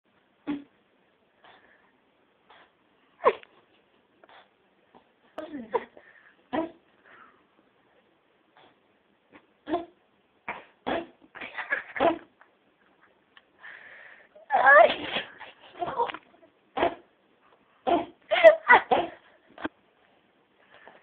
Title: Cat Coughing